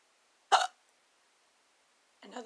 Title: My hiccups... and a "wide-mouthed one" that cured them